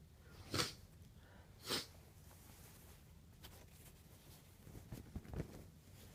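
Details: Two sharp, explosive, messy sneezes followed by quieter hitching, catching breaths, sniffing and nose-blowing; traces of chhinkni (sneezing) powder are on the handkerchief; sneeze with hitching breaths.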